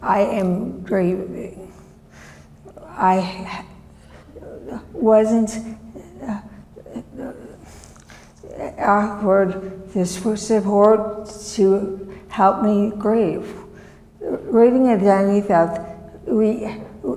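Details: Woman, former professor, with chronic aphasia since a severe stroke in 2010 that disabled her right side and took her speech; she relearned making sounds and saying her name and still cannot speak as before; non-fluent aphasia.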